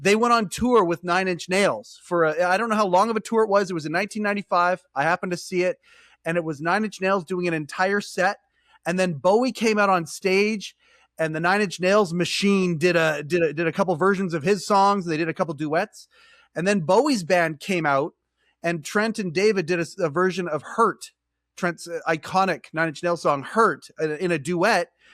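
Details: Adult man speaking; normal speech.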